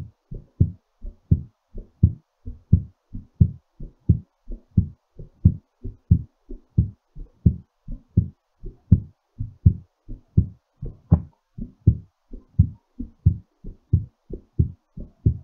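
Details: Normal heartbeat settling after exercise: strong, quick, steady low heart thumps at about 88 beats a minute.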